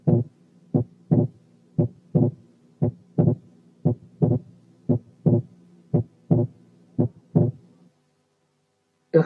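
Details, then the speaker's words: Wide but variable splitting of the second heart sound in right bundle branch block: regular heartbeat about 60/min, S2 widely split. "رقم 3 كان wide but variable splitting of the second sound في حالة right bundle branch block،"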